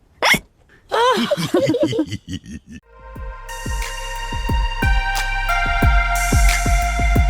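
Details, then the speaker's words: Cartoon child character drank juice too quickly: a short squeak then a run of quick bouncy hiccups, then music; acted, animated hiccups. "george don't drink your juice too quickly george drank his juice too quickly and now he has hiccups"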